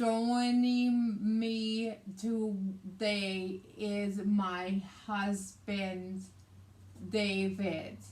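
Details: Woman with aphasia affecting speech, reading and writing, plus right-sided hemiparesis, after a hemorrhagic stroke on May 19, 2020 treated with brain surgery and ICU care; aphasia (nonfluent speech).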